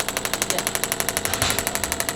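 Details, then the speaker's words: Radial shockwave therapy device firing on a chiropractic patient after hip replacement surgery: rapid, regular sharp clacking pulses, about ten per second; pulses counted down, standard about 2,000 per small area. "and it counts down the pulses that it's doing so it only does a certain amount it's each treatment area the standard is about 2,000 PES for a little area"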